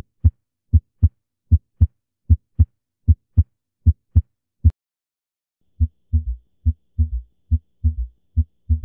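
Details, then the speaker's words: Teaching heart-sound audio: third heart sound producing a gallop rhythm like a horse's gallop, described at heart rates of 90 to 120 per minute in decompensated heart failure. S3 gallop. "puede adoptar esta característica de ritmo de galope, semejando el galope de un caballo, ¿sí? En estas condiciones nosotros podemos inferir, fundamentalmente cuando el paciente tiene tremor cordis, que se trata de un paciente con insuficiencia cardíaca descompensada."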